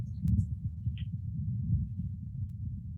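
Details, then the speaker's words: Low, rasping, saw-like breath noise auscultated over a ruminant's lung fields with a Littmann stethoscope, at a normal respiratory rate with no bubbling crackles; normal breath sounds. "En este caso no tiene estertores. Si tuviera estertores se escucharía un cierto burbujeo. Entonces, esta es una frecuencia respiratoria normal."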